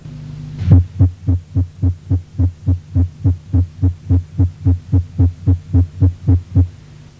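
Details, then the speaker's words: Very fast, regular heartbeats at about 210 a minute: paroxysmal supraventricular tachycardia with right bundle branch block, heard alongside the ECG tracing. "escuchen y observe el trazado electrocardiográfico de una taquicardia paroxística supraventricular con bloqueo de rama derecha"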